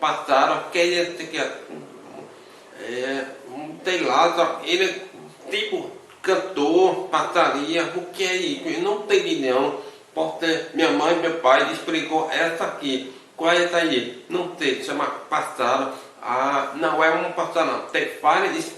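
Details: Adult man with hearing loss from birth; deaf speech (speech of a person with congenital hearing loss).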